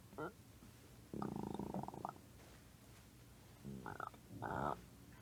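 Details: Several drawn-out, groaning growls in short bursts; stomach growling, a normal digestive sound.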